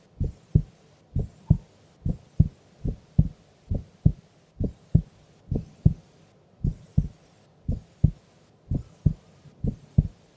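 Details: A sleeping woman's heartbeat during an afternoon nap: steady, regular lub-dub at about 70 beats a minute with no extra sounds between beats; normal heart sounds.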